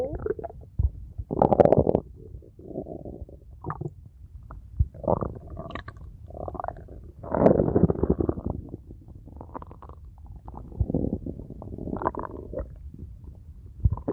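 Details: Abdominal auscultation in abdominal distension with suspected ileus: frequent loud, prolonged gurgling hyperactive 'struggle' bowel sounds, intense and with pain, indicating mechanical ileus (bowel obstruction) rather than paralytic ileus.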